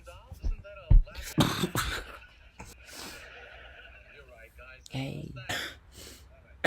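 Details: Several harsh, irregular cough bursts from an adult who was very sick and delirious, with quieter breathy sounds between them in a small room; cough.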